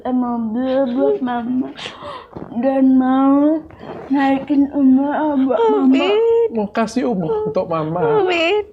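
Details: Young woman with cerebral palsy and speech difficulty since childhood; finding: dysarthria (cerebral palsy).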